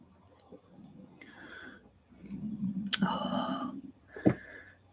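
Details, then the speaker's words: Stomach rumbling (borborygmi) of an adult who says they are hungry. "if you can hear my stomach guys don't know what so hope might have to get a piece of bread and butter or summat"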